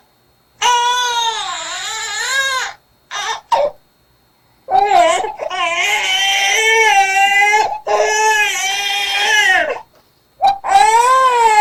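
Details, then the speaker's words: Newborn cry from abdominal pain: intense, high-pitched crying in long, strained bouts with a harsh, tearing, scratchy edge, produced while pressing the throat, with the face turning very red. "그리고 목젖을 누르면서 긁는 소리를 내니까 찢어지는 소리를 내요 그래서 일단 울음소리를 먼저 한번 들어 볼게요 배 아플 때 소리입니다"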